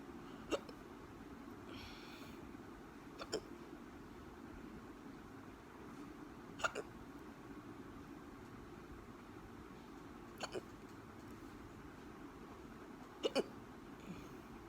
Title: Hiccups again